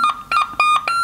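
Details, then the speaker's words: Patient monitor ECG display demonstrating atrial flutter, with sawtooth-pattern P (flutter) waves, heard as a monitor alarm in a critical-care nursing defibrillator skills-lab teaching session. "yang ini adalah gambaran atrial flutter. Ini tampak gambaran yang seperti gigi gergaji ini pada gelombang P-nya ini."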